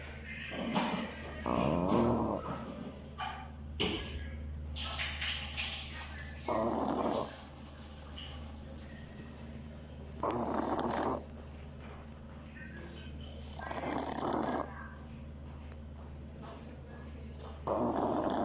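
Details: A sleeping pug snores in regular rough bursts, about 16 breaths a minute, over a steady low hum.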